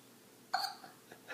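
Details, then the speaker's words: Young child, one of two children both with hiccups: a single sudden, voiced hic sound with a sharp onset; one hiccup. "Do you still have hiccups? No, look, band-aid come up."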